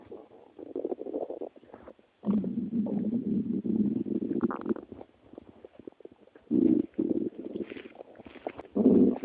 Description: English: My best noises of my stomach.